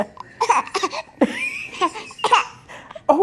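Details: Smiling infant makes several short, forced, cough-like bursts mixed with playful voice sounds: deliberate fake coughing.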